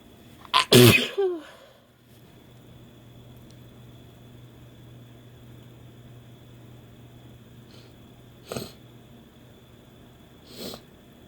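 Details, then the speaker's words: Woman sneezing after using Chhinkni sneezing powder for the first time: one loud, forceful sneeze, then later two softer sneezes, in a quiet room. "I'm going to introduce something else to maybe get myself sneezing here."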